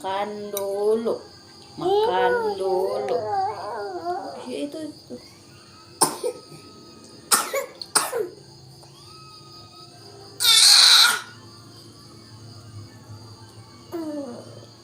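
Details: Young child coughing while eating, several short sharp coughs, with an adult talking and room noise in the background; cough.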